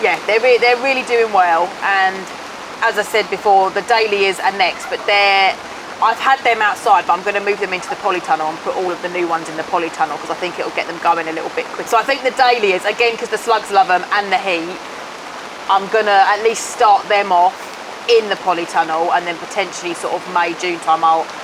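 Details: Adult speaker; typical speech.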